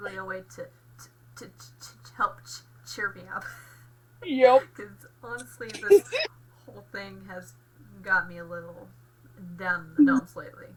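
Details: Acquired stuttering after a car accident and hospital stay, with aphasia from post-traumatic concussion; the speaker attends speech therapy for the stutter.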